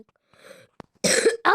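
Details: Cough from a person who says they have fallen ill and apologizes for coughing during game commentary: a faint throat sound, then two sharp, harsh coughs in quick succession.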